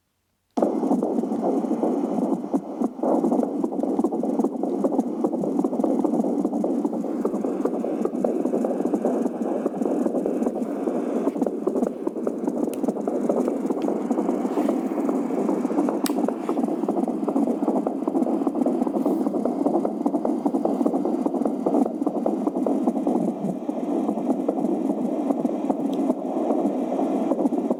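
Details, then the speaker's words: Fetal heartbeat recorded through an AngelSounds handheld fetal Doppler: rapid rhythmic whooshing beats near 150 a minute, about twice as fast as an adult heart. "doppelt so schnell wie unser Herz"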